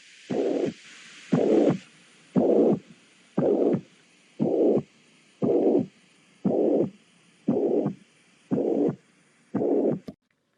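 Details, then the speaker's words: Mitral regurgitation murmur from mitral valve degeneration: regular whooshing murmur bursts about 58 a minute, filling each beat. "lo más habitual en feros geriátricos es una degeneración de la válvula mitral que dentro de la auscultación se podría escuchar de la siguiente"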